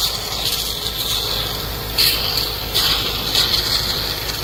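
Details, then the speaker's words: Home tracheostomy suctioning of an adult man by his wife, catheter inserted no deeper than the 15 mark, finger over the port to suction: steady machine hiss with brief louder gurgling surges. "You put your finger on here so you can suction. It's going to get a little bit noisy because of all the machinery."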